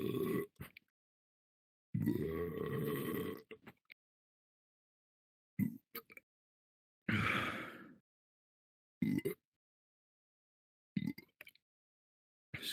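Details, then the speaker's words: Burping in a VRChat avatar performance after chugging an energy drink: several loud, drawn-out belches with short grunts between, the longest over a second; repeated burping. "Always one last sneaky little burp. Well, not little. Almost as big as me."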